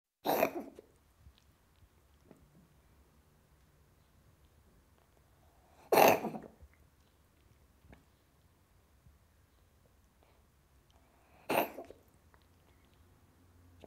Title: Cat Coughing and Sick FREE Sound Effect